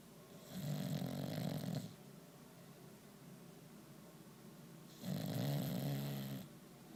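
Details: Sleeping bulldog: two loud, rattling snores several seconds apart, long low fluttering noises on the in-breath, typical snoring of a flat-faced dog.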